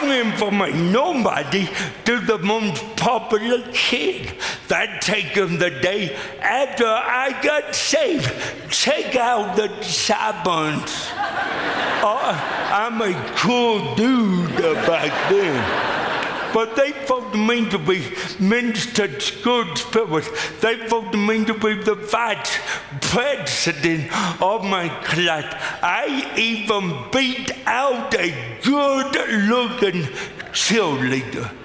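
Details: Adult man with lifelong cerebral palsy; speech dramatically affected by the disability; dysarthria (cerebral palsy).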